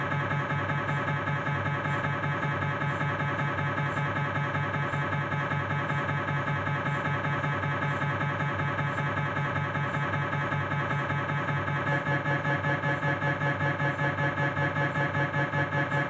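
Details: Knee MRI on a Philips 1.5 T scanner, proton density fat-saturated sequence: loud, steady rhythmic knocking and buzzing, about 100 pulses a minute, with a pitch change partway through. MRI scanner noise.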